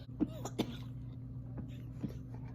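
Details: Vaccinated dog with kennel cough caught at doggie daycare, lethargic with poor appetite, on antibiotics, cough medicine and honey; vet said lungs and heart sounded good; short, dry cough bursts over a steady room hum.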